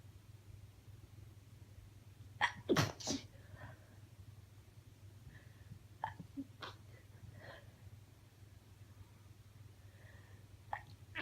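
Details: Sick female stifling sneezes: several muffled, held-back sneezes with quiet breaths between, over low steady room hum; stifled sneezing.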